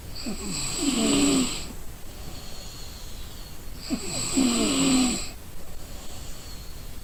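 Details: Person sleeping from exhaustion: two loud rough snores with a whistling edge, about 17 breaths a minute, over steady room noise; snoring.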